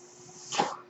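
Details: The speaker's own mechanical ventilator, noted during a recorded podcast: a brief soft rush of air rises and fades over a steady low hum, one breath cycle.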